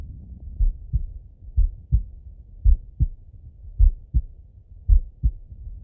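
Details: Normal heart sounds auscultated with a stethoscope on a person lying relaxed in bed: steady paired lub-dub at about 55 beats per minute, with a soft low rumble behind.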